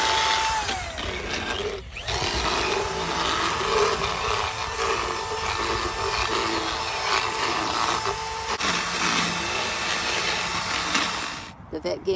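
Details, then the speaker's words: Horse sedated with xylazine having its teeth floated (sawed down) by a vet; loud, steady grinding whine of a powered rasp with brief pauses; equine dental float in use. "It's called floating. They float teeth. That means they saw down the teeth."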